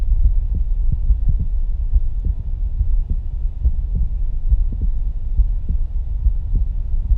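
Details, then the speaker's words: Clear, regular lub-dub through a stethoscope during a live demonstration, about 80 beats a minute with a low hum; listening moves over the aortic, pulmonary and tricuspid areas: crisp, strong normal first and second heart sounds. "for me personally there was an audible difference between when we were listening to the AOC at the pulmonary and then we jump down to the tricuspid you could hear the love dub"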